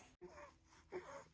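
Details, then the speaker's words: An infant diagnosed with bronchiolitis after an ER visit makes noisy breaths with a faint, high, musical whistle: a mild residual wheeze. "when he breathes he's still a little Wheezy I don't know if he's wheezing right now still is a little bit"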